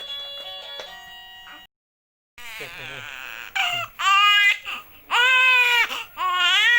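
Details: Male baby, 2 months old or younger, newborn: loud, high-pitched bursts of crying after a brief stretch of music-like tones and a pause; infant crying.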